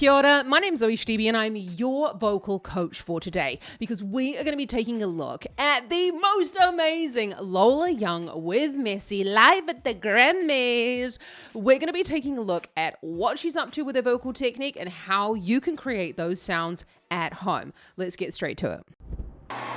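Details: Adult woman speaking; normal speech.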